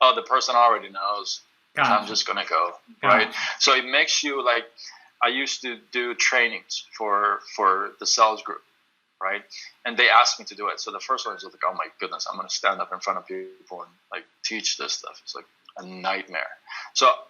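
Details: Stuttering in an adult male, severe from about age 13 to 25 and still present; he reports more difficulty when reading aloud.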